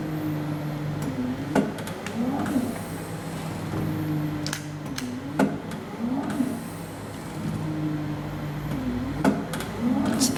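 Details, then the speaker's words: Emergency ventilator (BPPT 3S-LEN) running its automatic calibration after the respiration rate was set to 16: steady motor hum cycling about 16 times a minute with clicks and airy pulses. "Hai mesin akan melakukan kalibrasi secara otomatis"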